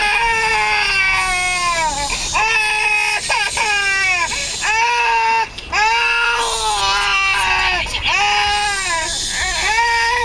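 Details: Twin 8-month-old infants crying, tired from playing, on a drive back from Pattaya: loud, sustained, high-pitched wailing cries with brief breaths between them.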